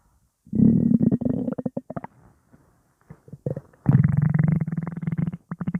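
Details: Loud, low gurgling and creaking rumbles in bursts from the belly, said to be just gas; stomach rumbling (borborygmi), a normal gut sound.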